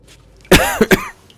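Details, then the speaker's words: Adult man who is still ill, with a hoarse voice and an itchy, irritated throat, gives two to three loud, harsh, rough, throaty coughs: cough. "Pardon, excusez-moi, pour vos oreilles. Je vais essayer de ne pas vous exploser les tympans en toussant."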